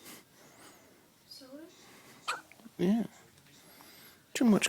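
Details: One-day-old newborn boy with short abrupt hiccups a few seconds apart, soft adult talk in background; ordinary newborn hiccups.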